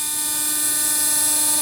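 Steady high-pitched whine of a running implant drill, the pilot drill used to start and center the bone preparation.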